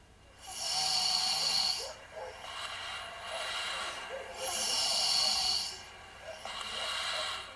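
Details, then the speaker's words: Child snoring during sleep, like a plug in the throat blocking air: loud, hissing, rattling breaths at about 16 a minute, with a low background hum. "There's no doubt that if a child snores, it's real bad for them. It's bad. It's like having a plug in your throat that is stopping the air from getting in."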